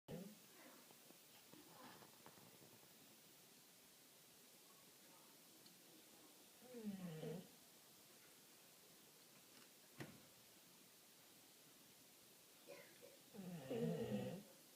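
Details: Sleeping dog snoring: slow, low, rumbling snores separated by long quiet stretches in a small room.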